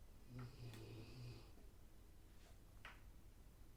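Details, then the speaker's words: Pet dog snoring while asleep: a low, rumbling snore with a faint snort and quiet room noise after it; snoring. "if you can hear a weird sound that's my dog snoring just warning you"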